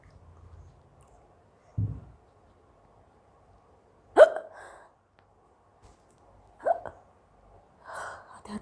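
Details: Indian girl with hiccups that had lasted a long time, in a quiet room: repeated sharp involuntary hiccup sounds at irregular intervals, about three in eight seconds; hiccups, with sneezes and a little cough elsewhere.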